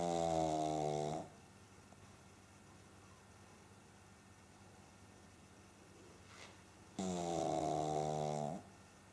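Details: A sleeping pug snoring on a couch: two buzzing, vibrating snore sounds separated by a long quiet pause.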